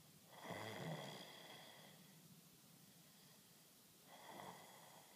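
Low, rattling snores on two breaths in, with quiet breaths out between them; ordinary snoring.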